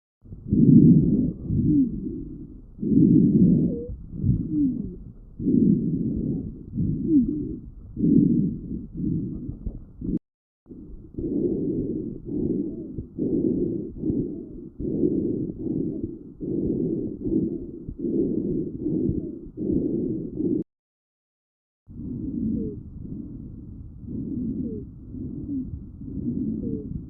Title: Lng sound wheezing #lunges #sound #wheezing